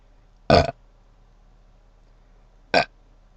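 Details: Two loud, short, throaty belches about two seconds apart in a quiet room; burping.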